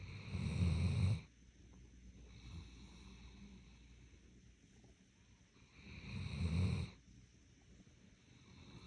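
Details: Doberman dog in deep sleep, snoring: two slow, deep rattling snores about five seconds apart with quiet breathing between; ordinary snoring.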